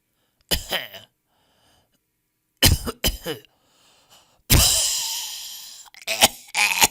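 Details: Stock audio of people coughing in varied styles: several separate dry coughs, one long harsh cough with a rough exhale, then two more short coughs.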